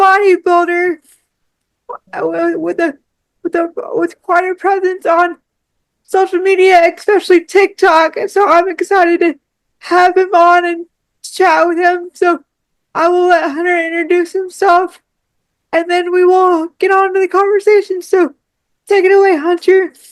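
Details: Speech of a woman with cerebral palsy who relies on one arm and uses a power wheelchair.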